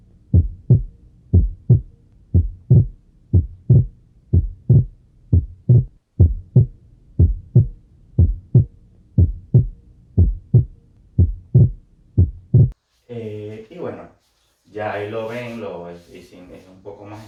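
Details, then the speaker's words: Regular heart sounds near 60 a minute, the second heart sound splitting during inspiration from delayed pulmonary valve closure: physiological splitting of S2, a normal finding. "voy a colocar un vídeo para que escuchen como durante la inspiración se escucha ese es el aumento de las del segundo ruido"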